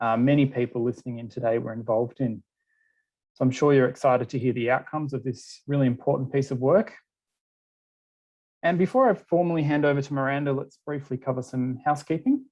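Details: Adult speaker; typical speech.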